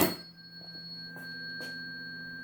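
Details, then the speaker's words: Weber hearing test on a woman with normal hearing, tuning fork tone conducted via bone: pure, sustained ringing over quiet room noise. "so it's conducting through the bones of the skull through the temporal bone and into the ear and so through that conduction it's activating those hair cells so she doesn't have conduction hearing loss or sensory neural hearing loss and she has normal hearing"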